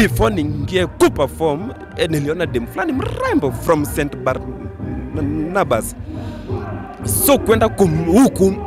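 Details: Stuttering in an adult man, a comedian, whose stammering began in class 2 at school.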